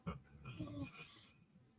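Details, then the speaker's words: Dog snoring while asleep at night in a quiet house. "it's quiet here everybody's sleeping oh that's nice oh hell yeah yeah that's when when I enjoy it l my dog over here snoring like a mother"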